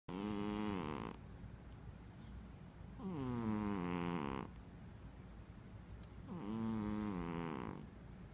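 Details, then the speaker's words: Snoring during sleep: three long, tonal, whistling-buzzy snores at about 19 breaths a minute, with quiet exhalations between. "you're snoring. Oh, I finally have proof."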